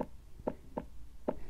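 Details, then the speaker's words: Simulated normal heartbeat: short paired lub-dub thumps from the heart valves closing. "So that lub-dub sound that you can hear, the beating of the heart,"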